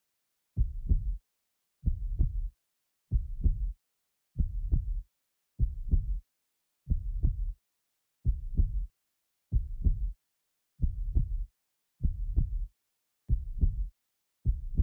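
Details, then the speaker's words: Simulated heartbeat sound effect in an ASMR roleplay: slow, steady, muffled lub-dub thumps at about 48 beats a minute. "I love you. Can you still hear my heart beating loud for you?"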